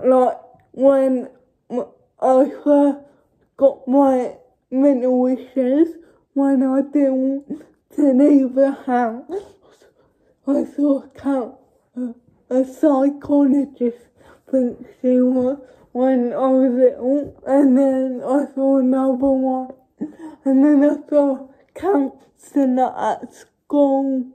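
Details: Young woman with cerebral palsy speaking informally to camera; dysarthric speech in cerebral palsy.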